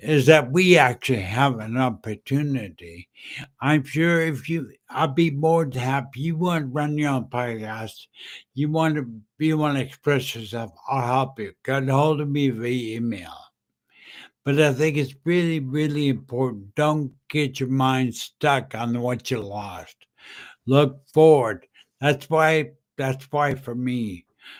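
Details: Adult man with slurred speech after a stroke in September 2015, which also caused aphasia and short-term memory loss; dysarthria.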